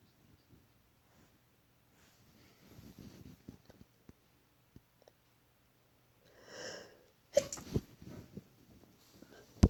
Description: Jut tried to induce a bit but as you ca see mostly false starts.